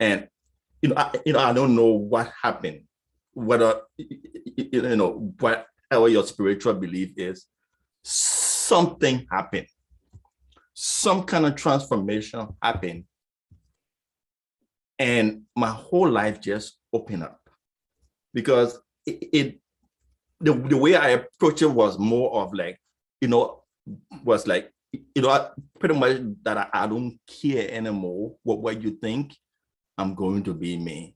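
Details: Adult man who stutters: stuttering.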